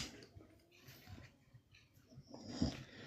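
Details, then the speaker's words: Low, rumbling snoring from a big sleeping female dog, ending in a louder snort. "That's a big snore for a little doggy."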